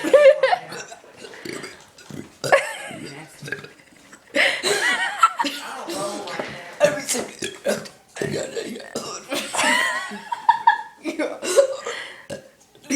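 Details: Repeated loud, drawn-out voiced belches, deliberately produced, with chuckles and laughter from others; burping.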